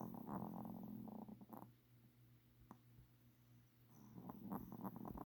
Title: Snoring...